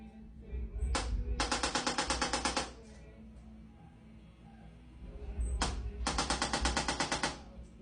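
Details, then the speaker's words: Two bursts of rapid mechanical tapping, about a second each and three seconds apart: a handheld chiropractic activator pulsing on tight trapezius muscles of a pregnant patient. "and then we can nudge any of these bones in the direction that we want them to go with the activator this particular patient always has some really tight traps so we're going to hit those muscles as"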